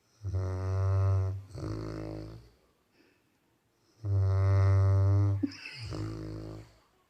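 Two loud, buzzing snores from a sleeping dog, each a long rattling in-breath followed by a softer out-breath.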